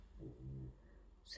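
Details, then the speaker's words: Clingy pet snoring loudly while sitting right next to her owner, who says she snores all day: audible snoring during a quiet tutorial. "Gracie's snoring her head off. You can hear her because she's so clingy. She has to sit right next to me and snore all day."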